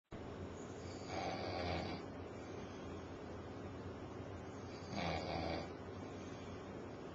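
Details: Adult man snoring while asleep on a couch at 6:30 pm, very tired after working over 90 hours that week: two rough, rattling snores about four seconds apart, roughly 15 breaths a minute.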